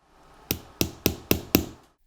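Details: Five sharp, evenly spaced taps as a tamp seats an OSSIOfiber compression staple flush with the bone, closing an Akin osteotomy of the big toe (hallux) in a demonstration procedure.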